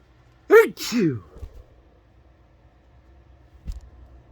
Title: chhinkni sneezes, messy, nose blowing, tissues shown at end 🤧🤧